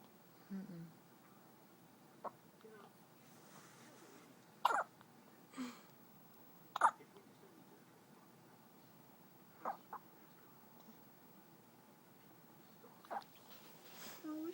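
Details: Newborn girl less than one day old, 7 lb 11 oz, having hiccups: six short, sharp catching sounds a few seconds apart in a quiet room.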